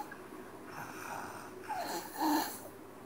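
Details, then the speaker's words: Rough, snorting, laboured breathing during sleep in a child, with a louder snort near the end: snoring in obstructive sleep apnea, with pauses marking apneas. "Khi mà không có cái tiếng ngáy nữa thì chứng tỏ đấy là cái bệnh nhân đã ngưng thở, không có cái oxy vào bên trong đường thở của bệnh nhân nữa, và đấy là một trong dấu hiệu mà người thân trong gia đình có thể phát hiện được."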